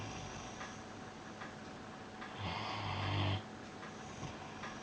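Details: A single low, buzzing snore on an in-breath from someone snoozing on his bed, rising out of quiet room noise; snoring.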